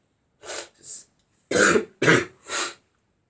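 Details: Person with a bad cough: two soft throat clears followed by three harsh, forceful coughs in a quiet room; coughing bout with throat clearing.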